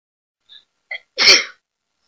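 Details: Very old recording of a person sneezing: two short catching inhalations followed by one sharp, explosive burst of air; a single sneeze.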